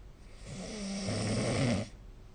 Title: 🐽 本日のイビキ / Snoring Sleep Sound